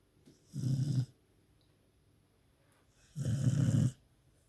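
Two loud, deep, rumbling snores about three seconds apart, roughly 20 breaths a minute, with quiet between.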